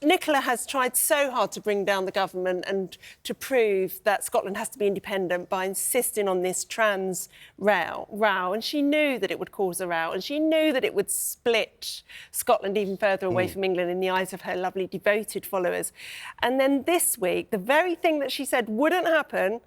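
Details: Adult woman speaking; normal voice.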